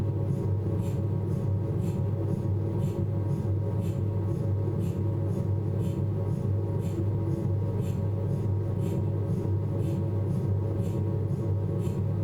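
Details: Abdominal MRI on a Philips 1.5T scanner: steady loud low hum and drone with faint rhythmic knocking about once a second, MRI scanner noise during an imaging sequence.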